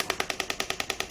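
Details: Radial-type extracorporeal shockwave device (titanium applicator) firing on the operator's own gel-coated arm while demonstrating a squeezing stroke technique that can cause bruising: rapid, even clacking pulses about ten a second; shockwave firing.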